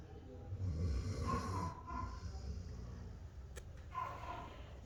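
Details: Dog (female) snoring while relaxed and asleep at the vet's office without any medication: low, rumbling snores with soft snorting breaths in a quiet room.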